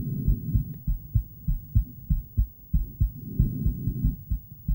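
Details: Adult female heartbeat recorded with an ultrasonic Doppler device: regular low whooshing thumps at about 95 per minute.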